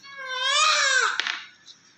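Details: Newborn with good weight, active, during vernix removal with baby oil: a single strong, clear cry rising in pitch then fading, with a brief catch at the end; vigorous newborn cry.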